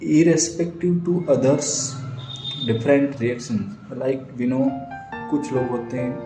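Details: Stuttering (stammering), self-reported by an adult man, in Hindi speech over background music.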